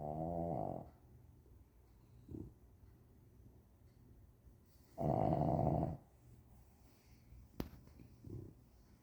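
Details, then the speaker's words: Two loud rumbling snores a few seconds apart from a sleeping boxer dog, with quieter breaths between them in a quiet room. "I mean she's so loud yes you w"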